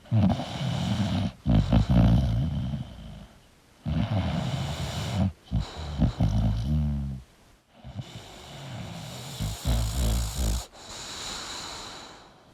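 Loud, rough, rattling snores in repeated bursts with brief pauses between breaths, typical of a sleeping short-muzzled dog.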